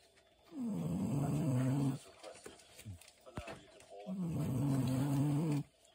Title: Snoring Dog